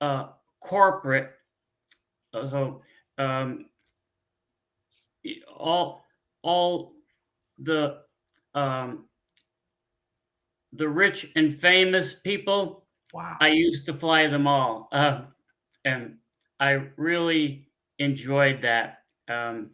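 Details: Adult man, former pilot, with aphasia from a stroke 15 years ago; he cannot read or write, uses a scooter and gets therapy on his arm; frequent fillers, pauses and word-finding difficulty; non-fluent aphasia with word-finding difficulty.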